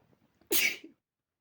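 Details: Sneeze caused by dust: a single sharp, hissing sneeze burst after faint sniffing, then silence.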